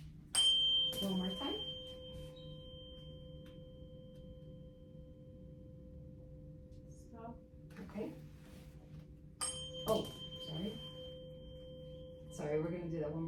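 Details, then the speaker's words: Tuning fork placed on the mastoid bone behind the ear during a nurse practitioner's practicum exam (Rinne test), patient reporting when the sound stops: steady pure tone that slowly fades, then the fork is struck again. "I'm gonna do the same thing but I'm gonna put it on your mastoid bone behind your ears um so let me know when you stop hearing the sound okay"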